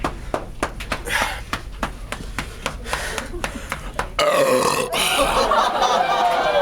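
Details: Burping contest entry: a long, loud, voiced burp after a run of clicking, tapping sounds, with faint talk in a small room; burping.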